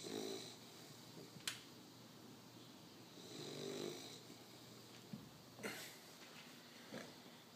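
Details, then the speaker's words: Male bully dog snoring while asleep: soft, slow, rasping breaths with a faint snore on each breath in a quiet room. "Listen to the little guy sleep and snore. He's so cute."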